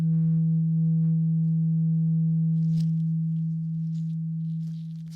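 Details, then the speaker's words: Simulated ASMR ear-exam roleplay with something suspected stuck in the ear, patient's eyes closed: a steady low pure tone held for several seconds with faint rustling, a hearing test tone. "Okay, I need you to close your eyes really quickly. Thank you. And I want you to tell me if you can hear this sound."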